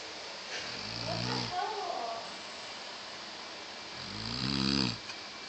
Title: The snoring machine